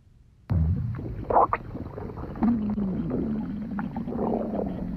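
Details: Low, drawn-out rumbling and gurgling with a wavering, groan-like tone: stomach growling (borborygmi) from a girl while she was sleeping.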